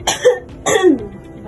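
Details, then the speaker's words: Simulated nursing education for a tuberculosis patient: an adult woman inhales on a count of 1–4, then gives two forceful voiced cough bursts to bring up sputum; effective cough technique, acted. "Tarik napas. 1 2 3 4. Ibu batuk."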